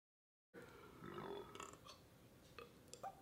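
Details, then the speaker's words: Clip from a burp compilation: a drawn-out burp followed by a few short belch sounds; ordinary belching. "ah can't even burp anymore"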